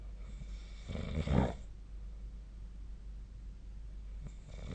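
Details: Snoring during sleep: one deep, rough snore over steady low room noise, with a faint second breath at the end.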